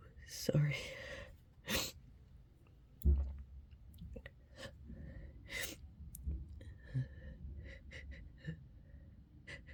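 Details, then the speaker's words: Two or three sharp sneeze bursts with breathy intakes between, faint room noise, the person repeatedly apologising for sneezing again; repeated sneezing. "Sorry. I have to sneeze again. Excuse me. Oh, sorry. Excuse me. I have to sneeze again."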